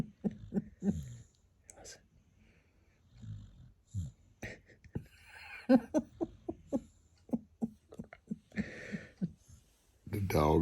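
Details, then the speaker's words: Bo, a Canaan dog, asleep lying in bed like a human: bursts of rough, fluttering snores in uneven clusters with quiet gaps between; snoring. "dog is snoring, and he's laying in the bed like he's a human."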